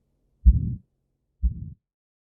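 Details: Two heartbeats, each a thump followed by a harsh, rumbling murmur filling systole, played as a teaching example: an aortic stenosis murmur.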